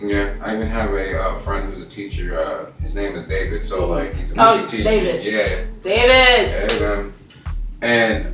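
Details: Adult male speaker, conversational; Normal speech.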